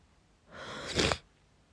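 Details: Woman home in bed with a cold, sneezing every few hours with a persistent nasal tickle: a quick breath in builds into one sharp, forceful, wet sneeze burst in a quiet room.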